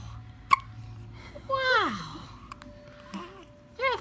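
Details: 12-day-old newborn baby hiccups: brief sharp hiccup clicks recurring with small squeaky baby sounds over low room hum, a normal occurrence.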